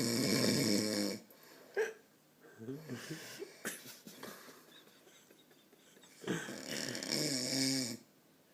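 Loud, rough, rattling snores come in two long bursts separated by a quieter stretch with small noises. Snoring.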